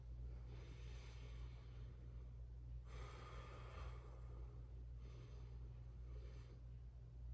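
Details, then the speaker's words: Normal breath sounds via stethoscope on the chest of a 1970-born male pre-surgery patient taking deep breaths: soft slow breaths over low rumble, no wheeze or crackles, lungs clear bilaterally. "Good, your lungs sound clear on both sides, no issues there."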